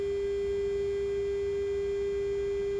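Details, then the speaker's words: Omnisense 8000S ultrasound bone sonometer (osteoporosis screening) calibration on a phantom placed on the probe: steady, pure, continuous test tone sounding throughout the first measurement cycle, started by foot pedal, until the test is finished. "you'll hear that audible sound until the test is finished"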